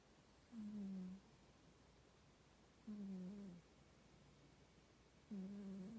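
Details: Cat snoring: soft, low-pitched, gentle rhythmic snores about every two and a half seconds over quiet background noise.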